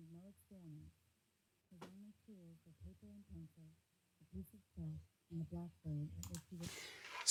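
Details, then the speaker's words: Simulated severe to profound sensorineural hearing loss with unilateral deafness: a woman's voice reading a passage sounds faint, muffled and distant, words unintelligible. "so I'm in the room next to the speaker struggling I really can't work out any words I can hear the voice it's very faint it's very distant"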